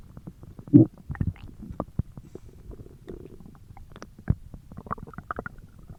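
Irregular gurgles, squelches and low rumbling bursts with brief clicks, ordinary stomach growling (borborygmi) from gas and fluid moving through the gut.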